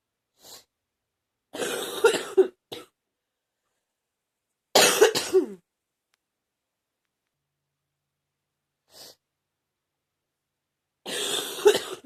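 Three harsh, rattly cough bursts from an adult, with brief breaths between: a chesty, wet productive cough.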